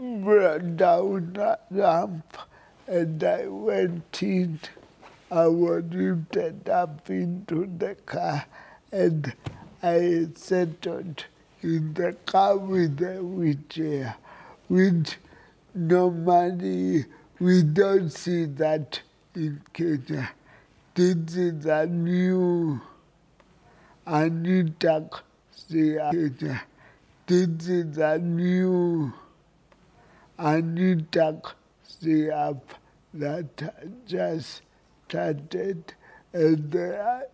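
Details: Adult man with cerebral palsy, apparently 39 and turning 40 in December per a fragmentary transcript; a doctor notes cerebral palsy can affect speech; dysarthria in cerebral palsy.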